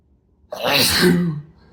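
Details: After a brief silence, one abrupt, forceful induced sneeze from an adult man after showering, with a sharp burst of air and a short voiced tail that trails off; sneeze.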